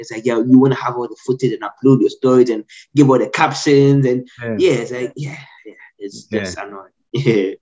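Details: Adult man who has stammered since childhood, severe growing up, now managed after speech therapy; audible word repetitions; stuttering.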